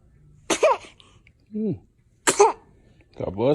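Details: Two sharp, high sneezes from a baby, each followed by a short voiced sound, with brief adult voices saying "bless you" between; infant sneezes.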